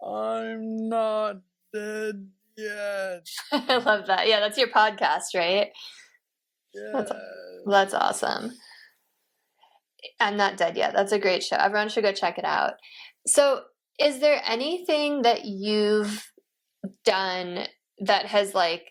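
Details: Adult podcast host in conversation with a guest; ordinary speech.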